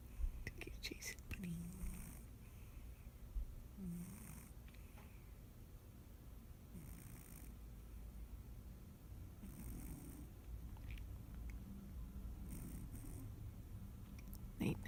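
Soft, low rumbling snores repeating every few seconds from a sleeping cat, over steady room noise; snoring.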